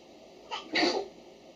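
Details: A child sneezes once on command: a brief indrawn breath followed by one sharp, hissing burst, a single sneeze.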